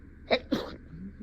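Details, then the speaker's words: A brief sharp intake, then a single sneeze, deliberately induced and acted in a comedy sketch about denying a cat allergy after bringing home a new cat. "Excuse me yeah I don't I don't know why I'm sneezing it's probably just a a random tickle"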